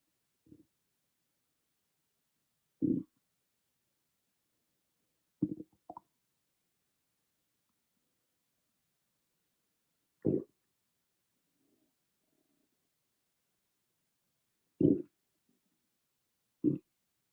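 Short low gurgles and growls every few seconds in a quiet room; ordinary stomach growling.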